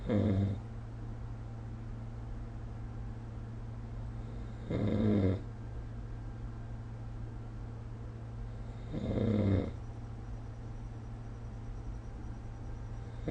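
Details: Three low, rattling snores about four and a half seconds apart, roughly 14 a minute, over steady room hum. Snoring recorded with the SnoreLab app.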